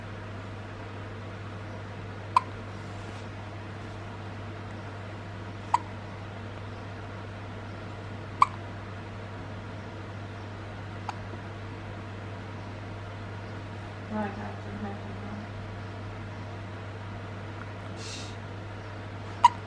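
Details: Newborn baby boy with persistent hiccups that soothing did not stop; small, sharp hiccup clicks about every three seconds over a steady room hum: hiccups.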